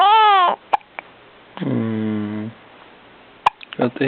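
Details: Baby babbling and vocalizing, broken by a few short, sharp hiccup clicks about three seconds apart; ordinary hiccups.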